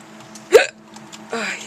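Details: A single abrupt, short voiced gulp with a catch in the throat, followed by brief speech, from a person with hiccups while playing a video game.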